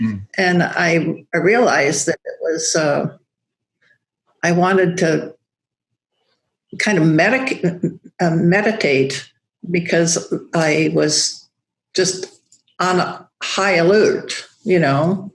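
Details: Aphasia after a stroke in a woman who teaches yoga; she still loses words, knowing the word but unable to make the linguistic connection to it.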